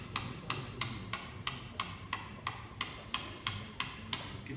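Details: Live tibial tubercle medialization surgery: sharp, regular tapping at about 176 a minute as a hammer drives a chisel into bone for the tubercle osteotomy, over a steady operating-room hum.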